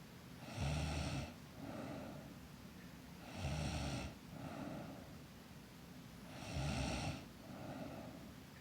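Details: Girl snoring in sleep: loud rattling snores on each inward breath with softer outward breaths, about 21 breaths a minute, regular sleep snoring.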